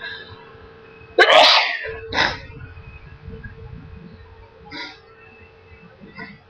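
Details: A sharp sneeze followed by a second burst, softer nose sounds and nose blowing, over steady loud background noise; sneezing.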